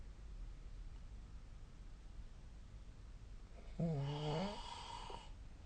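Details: Sleep snoring recorded with the SnoreLab app on 2024/12/12: quiet room hiss, then one short vibrating snore on an in-breath.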